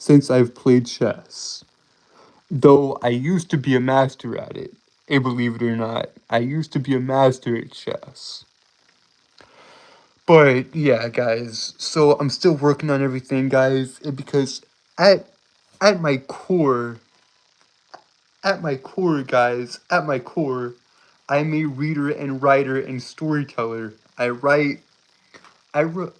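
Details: Adult male streamer with a self-described speech impediment that makes him stutter and trip over his words; stuttering.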